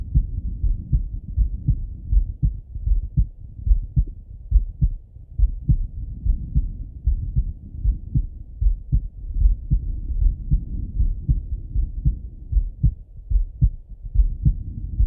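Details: Male heart auscultated with a stethoscope, recorded partly sitting at a desk and partly lying in bed: regular muffled lub-dub about 76 a minute; normal heart sounds.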